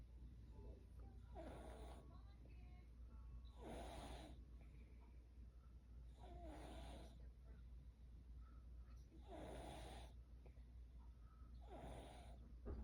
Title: So tired #snoring #sleep #tired